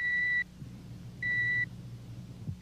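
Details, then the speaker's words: Simulated TV-drama audiometry: two pure, steady beeps under half a second each with quiet gaps, a sample tone through earphones for a man before the hearing test; audiometer test tone. "first a set of earphones is adjusted to the patient's ears and he is asked to listen carefully a sample tone is given him like this"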